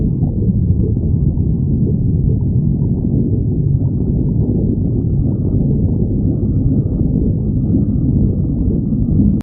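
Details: Steady, low, deep rumbling from a badger's belly, from moving gas and fluid; stomach growling (borborygmi).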